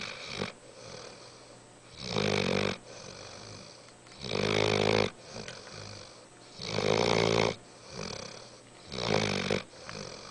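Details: Saint Bernard puppy, just over 5 months old, sleeping and snoring: loud, rattling snores on each breath, about five in ten seconds, roughly 28 breaths a minute.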